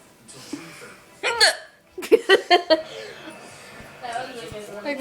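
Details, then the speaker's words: Hiccups from a girl who hiccups all the time and takes medication for it, painful: short abrupt voiced gulping sounds in quick succession amid laughing, talk and background music. "why you taking a video of me hiccuping my friend has to take medication so she won't hiccup hiccups all the time"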